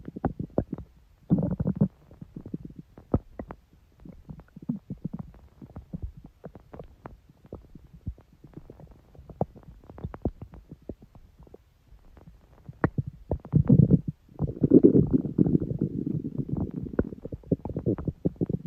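Irregular gurgles, pops and longer rumbling bursts of an empty stomach growling, ordinary bowel sounds.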